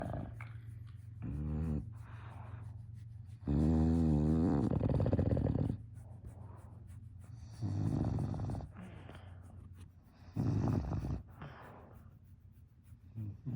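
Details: English bulldog sleeping through anything: loud rasping snores in several bursts with quieter breathing between; snoring during sleep.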